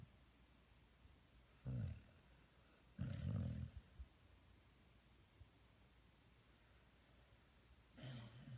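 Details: Snoring; no further details about the sleeper or the recording are given.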